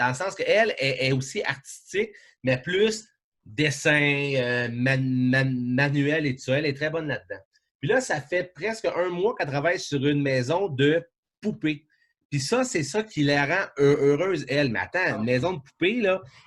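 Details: Adult man, event host, who says he now almost no longer stutters and that it worsens when he is tired; stuttering.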